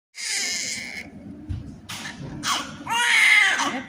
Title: Baby first cry